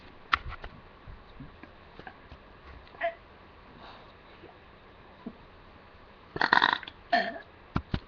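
Several low, throaty burps in a quiet room, with a larger cluster near the end; ordinary belching.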